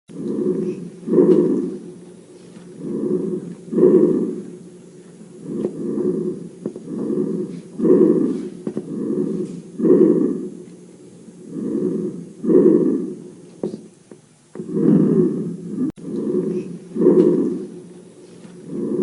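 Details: Lung auscultation sounds: rhythmic, low, rough breath sounds through a stethoscope, alternating louder and softer phases of each breath.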